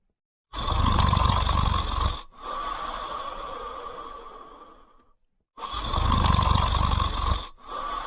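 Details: Sleeping French Spaniel dog snoring loudly, with rumbling breaths in and softer, whistling breaths out.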